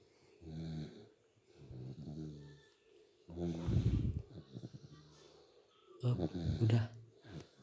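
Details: A dog sleeping at midday snores with low, rumbling sounds and snorting breath noise repeating on each breath: snoring.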